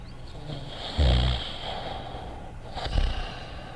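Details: Simulated quiet snoring from the Dogtanian cartoon (Fafa the Explorer): two low, rough snorting breaths like a sleeper's snort, over a noisy soundtrack background.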